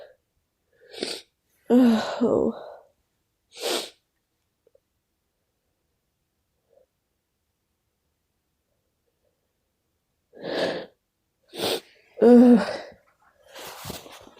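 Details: Repeated sneezing in a person who says they have been sneezing all day from an unknown cause: about seven sharp, forceful sneezes in two bursts separated by a long quiet pause.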